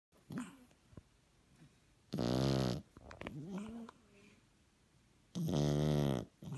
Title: French bulldog puppy snoring